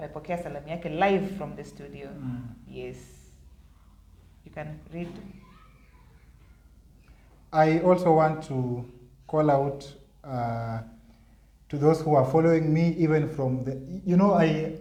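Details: Adult man with stuttering (stammering) that he says was severe in primary school; he has worked to improve his speech impairment; stuttering (stammering).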